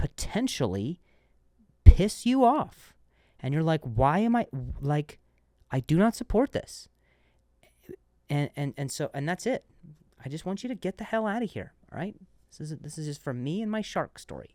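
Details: Adult male comedian who stutters and says he switched a word after stuttering; word repetitions; stuttering.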